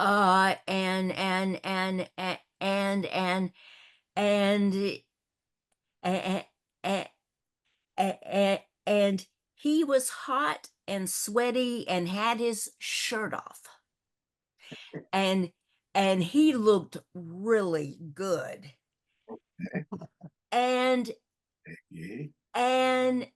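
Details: Stuttering in a woman hosting a support discussion for older adults who stutter, who also reports a paralyzed vocal cord; stuttering.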